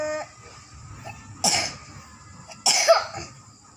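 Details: 5-year-old girl with a cough during a Quran juz 1 memorisation test (passed with jayyid): two sharp, separate coughs with faint background tones; a mild cough.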